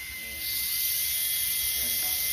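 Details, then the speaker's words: Electric dental handpiece (drill) running, compared with an air turbine: steady high-pitched whine rising as the motor spins up, then holding; quieter than an air-driven handpiece. "this is an electric hand piece it's a lot heavier it uses electricity instead of compressed air and here is what it sounds"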